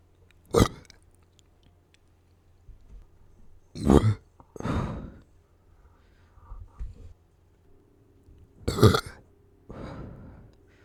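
Several loud, deep, throaty bursts of air, each a belch, with quiet gaps between and faint room noise; repeated burping.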